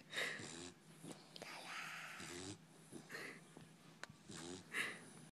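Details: Sleeping puppy (female) making repeated snorting, rattly snore sounds with soft whistling on each breath: snoring.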